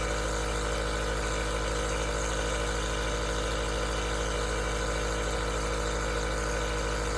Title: Aerosol Nebulizer Sound Cures Insomnia